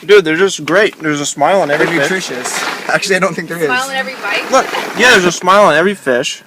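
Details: Adult male speaker; ordinary speech.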